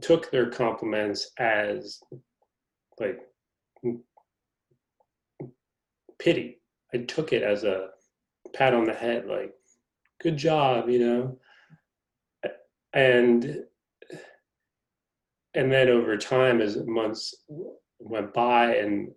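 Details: Adult male reporter who is a person who stutters, noted to have a pronounced stutter; stuttering.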